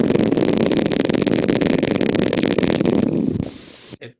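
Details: Needle EMG in a patient with unilateral tongue weakness and voice loss: neuropathic motor unit potentials with reduced recruitment and rapid firing.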